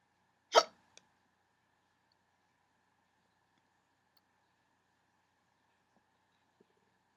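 One sharp, abrupt hiccup near the start, then near silence with faint room noise.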